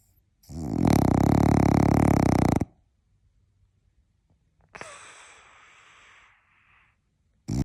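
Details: Snoring from Oliver, a sleeping French bulldog napping: loud, rattling, low snore on the in-breath, then a softer wheezy out-breath, typical flat-faced dog noisy breathing in sleep.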